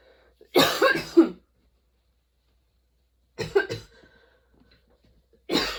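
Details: Sudden-onset, unexpectedly long nonstop coughing fit that kept worsening, bringing tears and constant position changes: clusters of harsh, rapid coughs, two to three per burst, separated by pauses; coughing fit.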